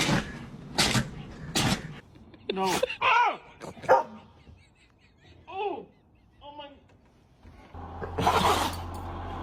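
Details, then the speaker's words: Dog sneezing: several sharp, breathy bursts, then whines and a final strong snort, described as a big sneeze. "Oh my goodness, what a big sneeze. Poor little buddy."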